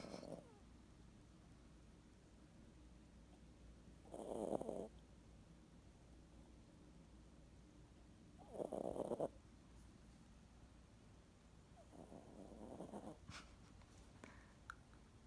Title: Tinky snores